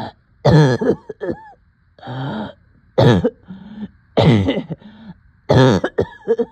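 Repeated harsh coughs in bursts, each followed by a strained, rasping breath in between; coughing with shortness of breath.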